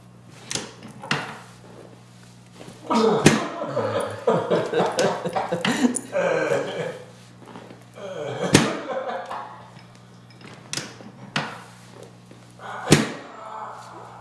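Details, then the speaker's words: Chiropractic drop-table adjustment of the sacrum for a patient with lower back pain, tingling sides and foot pain, sacral apex rotated slightly right, with clockwise torque: several sharp table-drop thuds with vocal reactions between them. "so i'm going to do some drops we're going to drop it down and i'm going to put that clockwise torque on it just to bring it back to midline uh"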